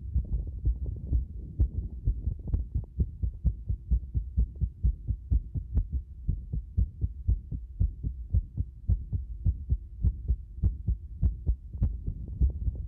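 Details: Loud low heart thumps with uneven spacing between beats, about 65 a minute; heart sounds with many irregularities, an irregular heart rhythm.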